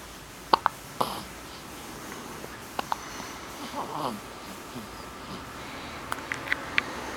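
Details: Aveline has the hiccups: short, sharp, quiet clicks in small clusters against low room hiss, a child's hiccups.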